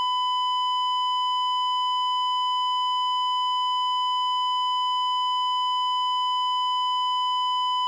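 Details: Sound-effect library recording of a cardiac monitor flatline alarm: a steady, unbroken high beep signalling no detected heartbeat, indicating asystole.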